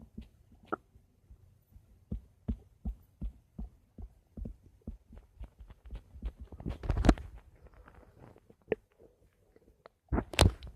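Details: Adult stomach: irregular low clicks and gurgles as gas and fluid move; ordinary bowel sounds (borborygmi).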